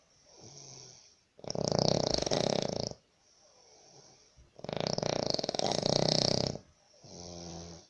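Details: Sri Lankan person snoring heavily while asleep in a shared labour-camp room in Abu Dhabi, disturbing roommates: loud, harsh rattling snores on each in-breath, quieter out-breaths, roughly 11 breaths a minute.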